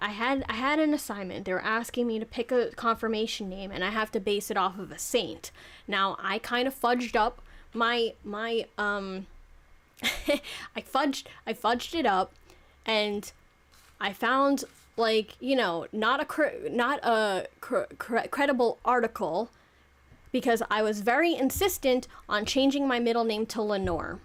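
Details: Adult woman, 26, who says she clearly has stuttering issues that make it hard to talk properly; repetitions of words and phrases; stuttering.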